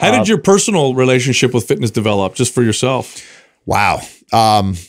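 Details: Adult male speaker; Normal speech.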